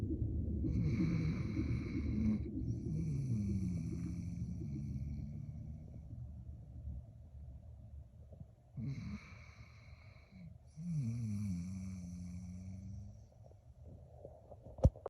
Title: A husky snoring during his sleep 😴🐶